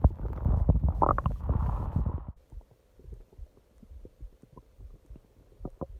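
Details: Long stomach growling at night, part 1: prolonged gurgling borborygmi from the abdomen.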